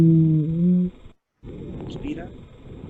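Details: Simulated lung sounds in an auscultation teaching session on asthma: a low, musical, whistling tone during breathing out, a brief silence, then a rough, noisy breath. Expiratory wheeze.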